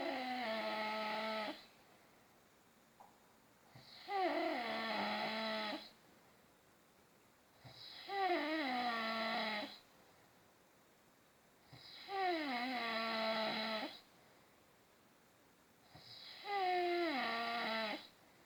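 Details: Father snoring: loud, droning snores with a rattling tone, each about two seconds long, five in the stretch at roughly 15 breaths a minute; steady, regular snoring.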